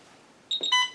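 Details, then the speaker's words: Alaris infusion pump being programmed for a Pitocin (oxytocin) infusion, 30 units in 500 mL normal saline, for a labor and delivery patient: brief quiet, then a high-then-lower pair of electronic power-on beeps. "I'm going to start by initiating the systems on button you will see that both of these modules or channels"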